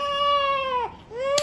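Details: 1-month-old infant during ear piercing: sustained, high-pitched wailing pain cry that breaks briefly and resumes.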